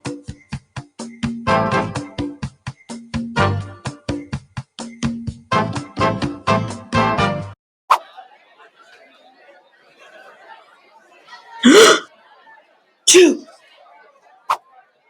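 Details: Two loud, explosive sneezes in a quiet room after comic plucked music, followed by "bless you"; sneezing.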